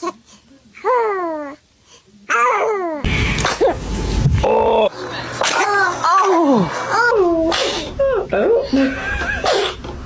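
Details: Infant coos, then gives several quick, sharp sneezes while adults laugh and respond in the background.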